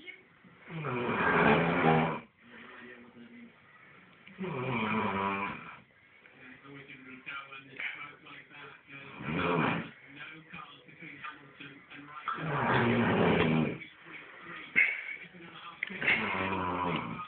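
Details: Loud, rough snores roughly every four seconds, with quieter breathing sounds between, at about 15 a minute.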